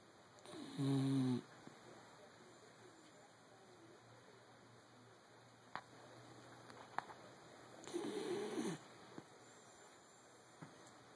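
Two loud rattling snores about seven seconds apart from a sleeping dog, with quiet breathing and faint room noise between.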